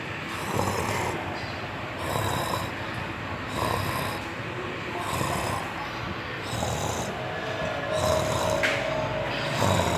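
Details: Sleeping cat snoring: soft rhythmic rasping snores, about 40 a minute, over faint background music.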